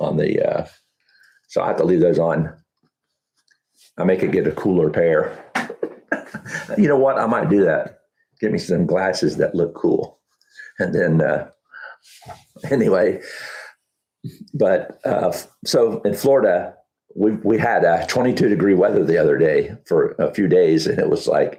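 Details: Adult man with Huntington's disease about 12 years after diagnosis (10 years also stated), reporting that talking has become challenging and that his thinking is less methodical than two years ago; dysarthria in Huntington's disease.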